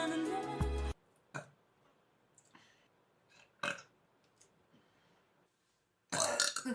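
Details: Several short belches in a quiet stretch, with loud music before and after; burping.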